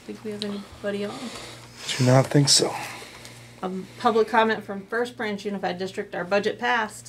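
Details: Adult speaker at a meeting; normal speech.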